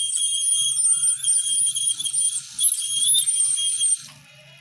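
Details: High-pitched whining and squealing of an ultrasonic scaler removing tartar from teeth at a dentist, stopping abruptly near the end.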